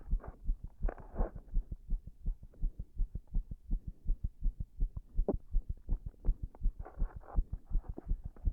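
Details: Heart sounds recorded after an all-nighter while standing pressed against a wall: rapid low heart thumps with uneven spacing and a faint hum beneath, an irregular rhythm (arrhythmia).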